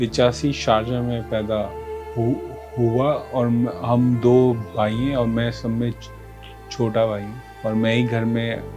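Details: Stuttering in a 40-year-old man who has stammered since about age 4–5.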